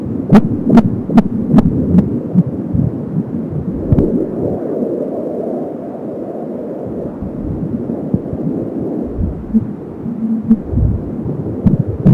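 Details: Fetal heart sounds at 30 weeks of pregnancy on a home Angel Sound fetal Doppler: rapid rhythmic heartbeat about 170 per minute with whooshing umbilical cord sound.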